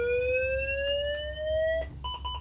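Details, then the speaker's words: Defibrillator set to 50 joules charging into an attached test load during a paramedic exam operational test: steadily rising electronic tone, then repeating ready-to-shock beep. "I'll go all the way down to 50 for this test I'll make sure that the test load is attached I'll begin charging"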